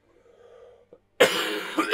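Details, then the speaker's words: A single loud, harsh adult cough after a few seconds of quiet, announced by the man while playing a racing video game; afterwards he mentions gravel in his nose. "standby i need to cough"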